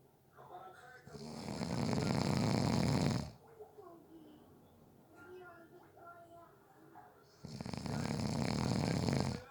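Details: Person napping who fell asleep within 30 seconds: two loud, rough inhaled snores with quiet breathing between; snoring.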